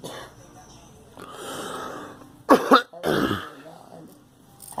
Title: Girl coughing